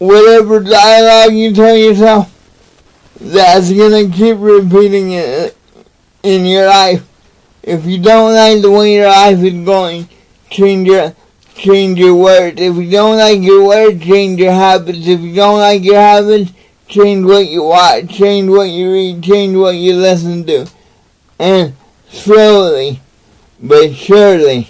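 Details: Adult man with cerebral palsy, real patient; dysarthric speech in cerebral palsy.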